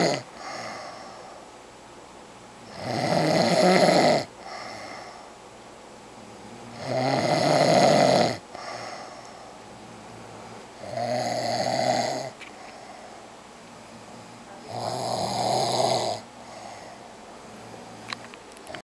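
Steady, deep snoring about 15 breaths a minute, each breath in a loud rasping snore with quieter breathing out between.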